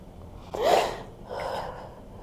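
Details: During a fascia healing session, a woman with a hand on her belly gives a sudden sharp gasp, then a softer breathy exhale: a startled intake of breath.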